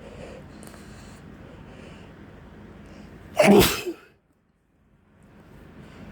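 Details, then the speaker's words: Sneezing after getting home from a gym workout in spring. Nose is itching, with heavy breathing, and the person suspects outdoor plants are the trigger. A single loud, explosive sneeze over quiet room noise, then brief silence. "My nose is itching because breathing heavy because I just got done working out. I need tissue."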